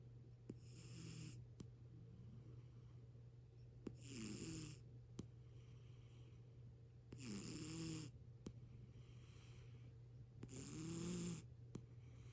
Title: Snoring kitty